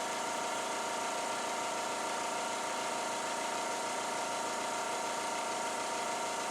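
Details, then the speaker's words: Suction machine running during tracheostomy suctioning, catheter inserted five to six inches with intermittent suction no more than ten seconds at a time: continuous steady motor hum with a low droning tone. "once we get into five to six intermittent suction whirling our catheter again no more than ten seconds at a time"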